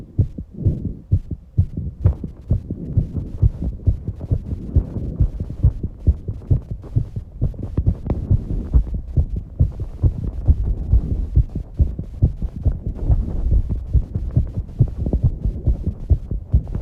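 Rapid, regular low thumping heartbeat at about 135 beats a minute with a steady hum: a fast heart rate after exercise.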